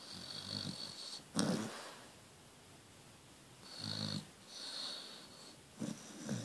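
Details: Repeated snorting breaths with a faint whistling edge, plus a brief sharp snort, from a sleeping dog; dog snoring.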